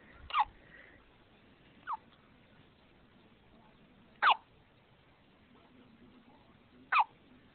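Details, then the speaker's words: Two-week-old infant with hiccups: four sharp, brief hiccup sounds at irregular intervals over about eight seconds in a quiet room. "You have the hiccups, honey."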